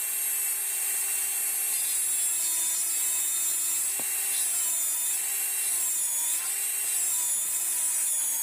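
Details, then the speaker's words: Dental high-speed handpiece cutting buccal depth grooves with firm finger rest on a typodont mandibular first molar (tooth 36) for a full veneer crown: steady, piercing whine with slight pitch wavers. "It is also beneficial and better to make grooves along the groove area also, so that when you reduce, it will be like you are connecting two grooves and not just blindly reducing it. Okay, so let us start with making grooves. I will keep a firm finger rest."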